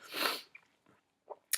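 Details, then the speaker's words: Acted scene: a girl playing a CEO at a company meeting gives a single loud, hissing sneeze followed by faint sniffs, which she blames on allergies to flowers in the room; sneeze. "Oh god, I'm so sorry. Oh, those flowers are aggravating me a little more than I thought they would."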